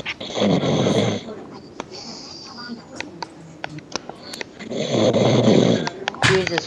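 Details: A person snoring on a gaming server: two loud, rough, rumbling breaths about four seconds apart, with clicks and handling noise between.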